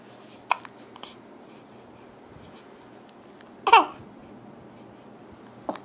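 Brief, abrupt catching sounds a few seconds apart, one louder than the others, over faint room noise; hiccups.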